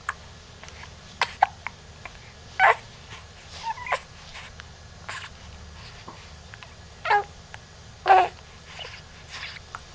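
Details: 2-month-old baby with hiccups: repeated short, abrupt gulping sounds at irregular intervals in a quiet room.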